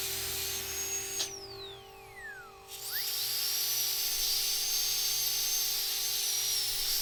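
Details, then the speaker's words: High-pitched whine of a dental drill with a diamond bur that drops, pauses and rises again while smoothing bone edges around an extraction site on a surgical extraction simulator; simulated dental extraction. "So, remove any loose fragments of tissue and then we're going to use our diamond bur to smooth off around the edges before we extract."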